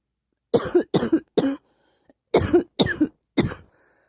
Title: ugh cough cough cough